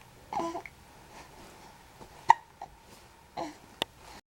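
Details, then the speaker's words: Baby being readied for a diaper change, hiccupping again after babbling: sharp, sudden vocal catches about every second with soft babble between; infant hiccups. "We're getting ready to change our diaper. Hiccups again! We had so much to say just a minute ago."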